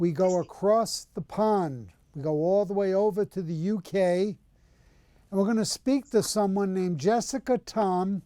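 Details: Adult male speaker; ordinary speech.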